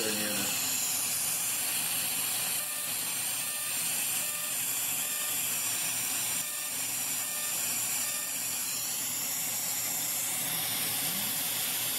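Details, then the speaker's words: Full-face fractionated CO2 laser resurfacing with an UltraPulse laser, treating perioral and forehead lines in a patient wearing laser eye shields: a steady high hiss with rapid clicking pulses and a soft suction rattle. "we're just doing a little laser resurfacing with luminous ultra pulse co2 fractionated co2 laser"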